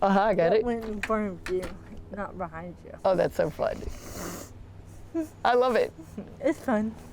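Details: Adult woman speaking; speech.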